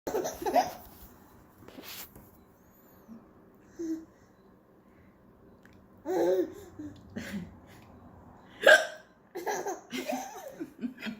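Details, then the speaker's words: Hiccups while eating avocado: several short, abrupt gulping hiccup sounds mixed with giggles and laughter in a quiet room; the speaker says mommy can't control her hiccups. "Mommy can't control her hiccups."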